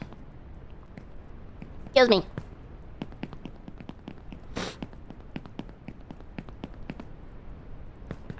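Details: Streamer's sneezing during a live gaming stream: two brief, muffled sneeze bursts a couple of seconds apart over steady keyboard and mouse clicking.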